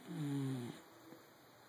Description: Dachshund Mario snores when he sleeps :)